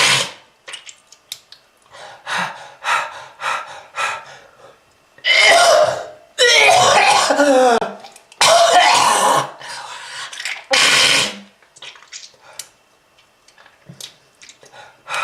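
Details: Repeated harsh, wet coughing fits with throat clearing and heavy breaths between; productive cough from smoking-related lung disease, with red-coloured sputum shown.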